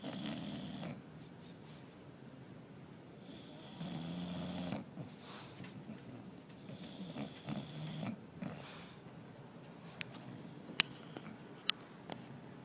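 Loud, rattling snores from sleeping dogs, repeating irregularly. Ordinary snoring.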